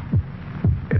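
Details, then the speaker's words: Human heartbeat in an old headache-remedy commercial: deep, regular thumping at a steady resting rate of about 72 beats a minute over a low hum; normal heartbeat. "this is a sound of a human heart it"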